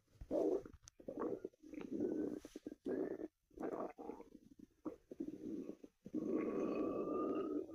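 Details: Ordinary stomach growling (borborygmi): long, irregular gurgling and rumbling runs with squeaky tones from gas and fluid moving through the gut.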